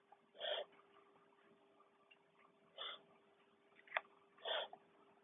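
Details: Dog having a reverse sneezing episode, which occurs about once every six months: three short, harsh snorting breaths drawn in through the nose; usually benign.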